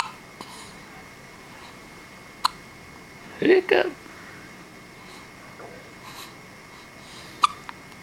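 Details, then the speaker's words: A baby girl who also sneezed: brief sharp catches of breath with a short vocal burst between them; infant hiccups. "sir but you got the hiccups bless you sneezing and the hiccups man you got it all"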